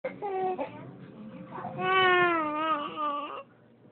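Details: Baby girl scared by her napping father's snoring: an infant's wailing cry in several bursts with rising and falling pitch and brief pauses between them.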